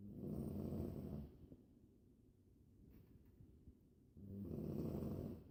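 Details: A person snoring on an airplane: two loud, rough, low snoring breaths with a quiet pause between, over steady cabin hum; ordinary snoring.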